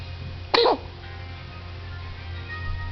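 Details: Making noises: one short, sharp burst of air, probably a sneeze, over background music.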